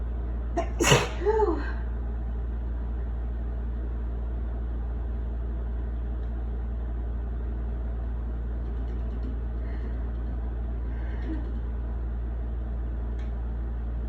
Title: Wet sneezes with breathy buildups